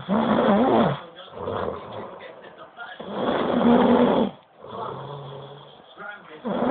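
Loud, rough, rattling breathing sounds during sleep, two long cycles with quieter breaths between, consistent with heavy snoring.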